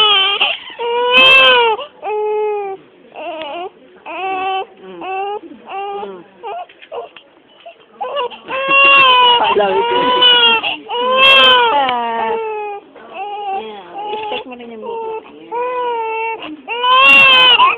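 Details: Repeated loud, high wailing cries with short gasps and whimpers from a newborn baby in hospital, said to be hungry and very red-skinned; a normal newborn cry.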